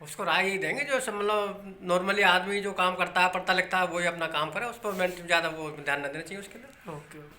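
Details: Adult speaker; no speech disorder.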